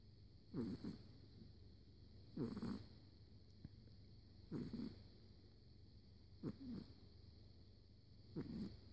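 Soft rattling snores at regular intervals, about 32 a minute, over a steady background hum: snoring.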